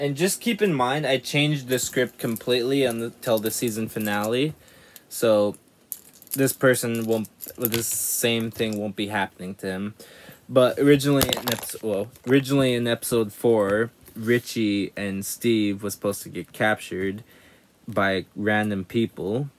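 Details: Man with self-described very bad stuttering.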